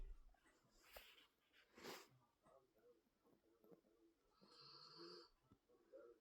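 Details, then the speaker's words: Snoring in a dog napping: soft, irregular snuffling snores with a brief whistling tone against quiet room noise. "I can't feel my arm too well. Somebody keeps snoring."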